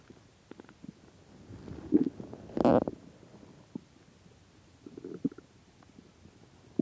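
Gurgling, rumbling bowel sounds with a louder squeaky growl in a quiet room; hunger-related stomach growling.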